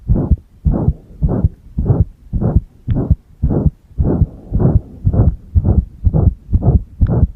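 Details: Pressed-chest heart sounds: strong, muffled beats about 100 a minute with uneven spacing, irregular heartbeat (arrhythmia), recorded alongside a single-lead electrocardiogram.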